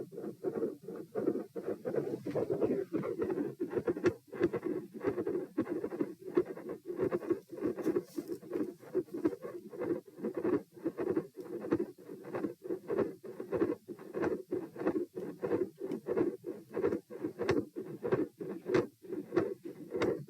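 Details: Stethoscope recording at position P during a stress test, with sitting, standing and lying, heart rate 90-126-72 bpm: heart sounds near 90 a minute with an intermittent rough, continuous machinery-like murmur and a loud S2.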